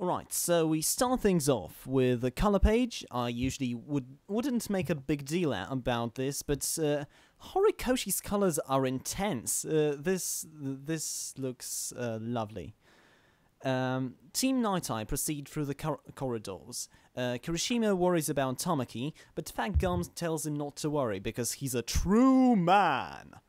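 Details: Male podcast host who stammers, recording standing up in a new setup to see whether he stammers more or less; stuttering.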